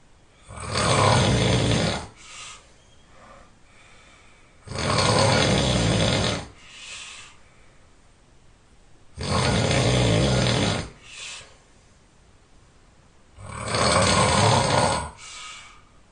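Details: Very loud, rough snoring from a sleeping person in regular cycles, about 14 breaths a minute, each followed by a softer breath.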